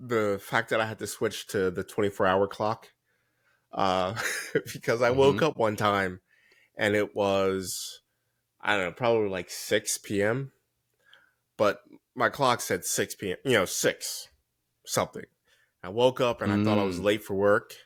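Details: Adult man speaking; typical speech.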